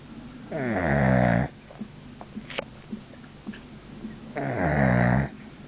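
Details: A sleeping dog lying with head back and mouth open, snoring: loud, rattly, buzzing breaths about four seconds apart with quiet gaps between.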